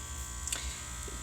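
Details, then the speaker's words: Peritoneal dialysis cycler being set up for therapy: steady electric motor buzz with low hum and a brief click. "there's a little handle down here that is now unlocked and this door can open like so and the machine does make noises"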